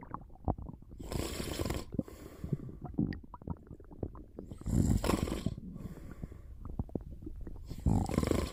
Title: Just a little nap^^ Snoring and stomach sounds